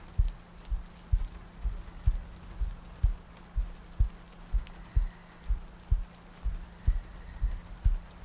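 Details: Sleep-aid ASMR loop with soft breathing and rain ambience: soft, regular low thumps at about 62 beats a minute under a steady rain-like hiss; a calm heartbeat.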